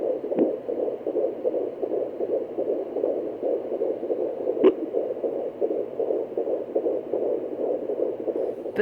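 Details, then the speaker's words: Rapid, steady whooshing pulses on a home fetal Doppler at 13 weeks 4 days of an IVF pregnancy, the fetal heartbeat and the mother's slower pulse blended together. "that's actually two mixed together so that the scubs art be and the center so kind of sounds good"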